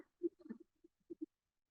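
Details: Woman with idiopathic vocal fold paralysis, possibly of infectious cause, with a glottic closure gap on endoscopy, difficulty swallowing liquids, poor vocal endurance and poor projection; breathy voice (vocal fold paralysis).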